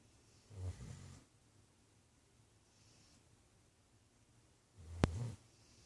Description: snoring laid back on the couch.